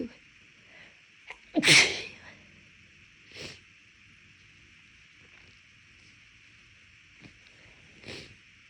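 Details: Sneezes deliberately brought on by a person whose left nostril kept tickling after an illness a few weeks earlier; one loud explosive sneeze, then softer sniffs and nasal bursts, part of a long series of big sneezes with nose blowing; sneezing.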